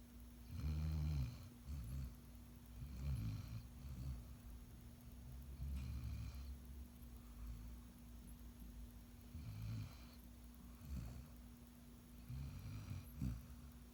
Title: Golden Retriever Puppy Snoring 😂 #shorts